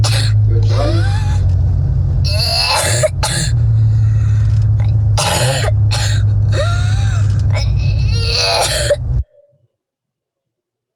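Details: Girl awaiting endoscopy, from a pediatric otolaryngology talk: repeated noisy, harsh breaths with tonal upward-gliding bursts; inspiratory stridor.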